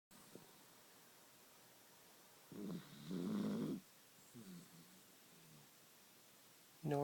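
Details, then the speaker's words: Dachshund sleeping soundly after eating two Boston cream pie cupcakes off the table the day before: quiet room with a few low, rough, rattling breath sounds, snoring. "very sleepy she's a very snorri dog she's digesting all those cupcakes she ate yesterday"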